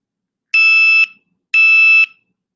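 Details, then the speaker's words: Continuous glucose monitor (Dexcom) high glucose alert for a diabetic child, set for above 150: two loud, steady high-pitched tones, each about half a second. "Pretty annoying too, right? In the middle of the night. So that's what it sounds like. That's her high notice."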